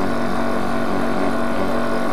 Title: Demonstration and servicing of a nebulizer